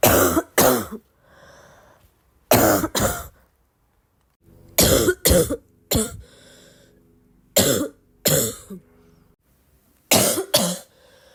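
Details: Sick girl with about eleven harsh, explosive coughs, mostly in quick pairs, with quiet pauses and faint wet breathing between them; barky congested cough.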